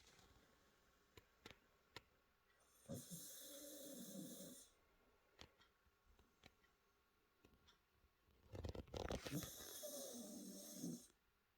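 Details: Cockapoo dog snoring at the table: two long, hissing, rattly snores about eight seconds apart, with faint clicks and quiet room noise between them.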